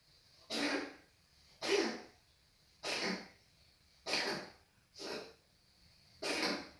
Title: patches coughing